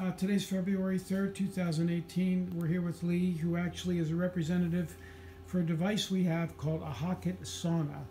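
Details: Adult speaker; normal voice.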